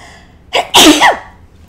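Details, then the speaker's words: Adult gives a single sudden sneeze while talking: a quick inward catch followed by a loud, sharp burst of air; sneeze. "excuse me that's a truth sneeze you ever hear that whenever uh you you're talking about something and um automatic like out of nowhere a sneeze comes we call that a truth sneeze"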